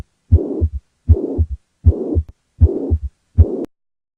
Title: Mitral regurgitation heart murmur